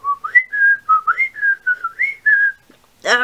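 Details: Whistling vocal tic in a person with multiple evolving tics, possibly including copropraxia: a quick run of short, chirpy, bird-like whistles repeated in a set pattern, then a brief voiced sound.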